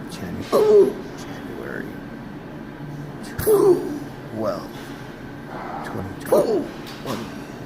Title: Hiccups Intractable January 2020 since December 2015